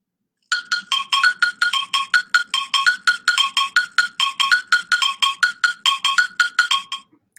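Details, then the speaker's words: Dexcom continuous glucose monitor for a diabetic daughter sounding its no-data alert when the pump or sensor fails: a rapid run of bright, woodblock-like electronic tones lasting about six seconds. "So that's our no data, is that noise. There you go."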